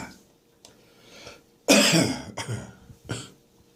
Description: There's plenty of catarrh still left in my chest and throat. It needs a good stir when I wake up in the morning.